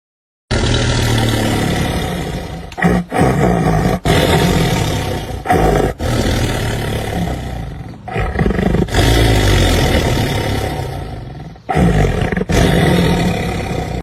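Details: Sleeping cat: loud, deep, rumbling snores in repeated long cycles, harsh enough to resemble a lion's roar.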